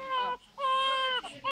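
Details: Short, clear, steady-pitched wails from a newborn on its first day of life, crying for the first time; normal newborn cry.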